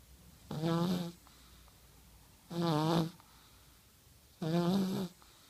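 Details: 1-year-old child snoring while asleep at night: rhythmic, buzzing snores on each breath in, about 30 a minute, with a quiet room between breaths.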